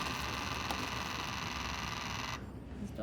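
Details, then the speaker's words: Negative pressure wound therapy (wound VAC) pump in a training demo: continuous buzzing hum that keeps running because a leak under a reused dressing stops it reaching the set 25 pressure, then quiets near the end. "okay okay so it should be actually the the sound it will stop once it reach the 25 uh pressure now because we get some leakage to be honest"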